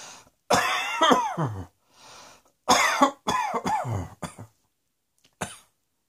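About five loud voiced coughs in two bursts with short pauses between; repeated coughing.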